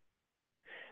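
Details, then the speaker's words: Adult man speaking at 11 o'clock, noting he is wheezing: a brief, high-pitched whistling wheeze after a moment of quiet. "it's 11 o'clock big brother and you can hear me wheezing so"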